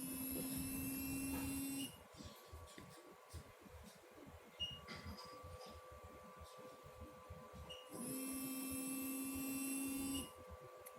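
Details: Thermagic FLX radiofrequency skin-tightening handpiece on a person's back with gel, felt warm: two steady electronic tones about two seconds each, separated by quiet room noise.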